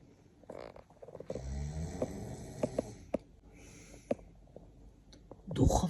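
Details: Person snoring while asleep: a long, low rattling snore on inhalation, with clicks and rustling around it and a loud noise at the end.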